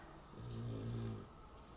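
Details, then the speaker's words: A single low, rumbling snore from a sleeper, quiet against faint room noise; snoring. "So, I don't know if you can hear her, but she's snoring."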